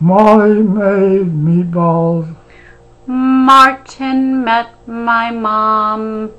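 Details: Adult speaker reading practice phrases in a speech drill; speech.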